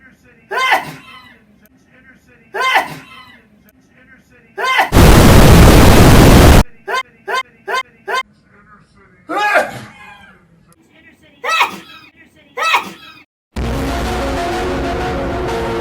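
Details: Repeated loud voiced sneezes from an old woman about every two seconds, edited with loud explosion-like sound effects for comic effect.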